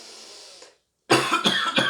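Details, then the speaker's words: Physiotherapist demonstrating a voluntary cough: quick deep inspiration, then abdominal and diaphragm compression producing a strong cough burst with two shorter follow-on bursts. "eu puxo o ar forte profundo faço uma inspiração profunda e na sequência eu comprimo meu abdômen comprimido diafragma para ter essa expulsão do ar"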